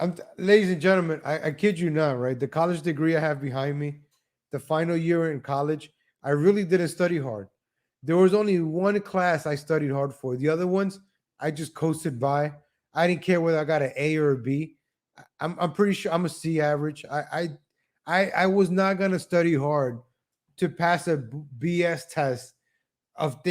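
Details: Man speaking English as his second language, who describes speech impediments of repeating himself, a lag, and a little stuttering: stuttering.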